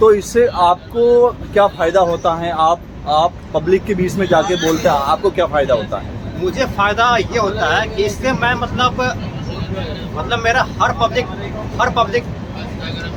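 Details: Man who stammers, a member of a stammering self-help group, speaking Hindi during speech practice on a train after a communication workshop; stuttering.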